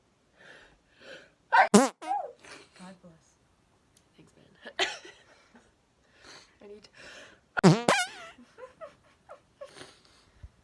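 Two loud, sharp sneezes stand out among quiet talk and small noises in a small room.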